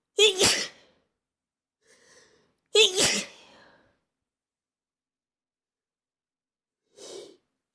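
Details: Stifled and normal sneezes: two loud sneezes, each preceded by a sharp intake, then a softer sigh or breath.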